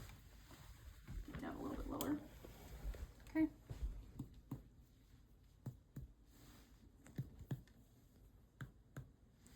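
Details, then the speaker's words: Head-to-toe exam: soft, hollow finger taps percussing the abdomen after normal bowel sounds in four quadrants; tympany present, dull at liver border: tympanic abdominal percussion note. "Now I'm going to move on to percussion of the abdomen. It's the same thing we did on the back except this time we're listening for Tony"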